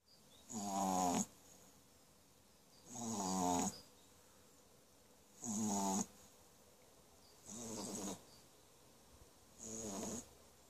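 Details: Sleeping French Bulldog puppy: five short, buzzing, rattly snores at a steady pace, about 25 a minute, with quiet pauses between them; snoring.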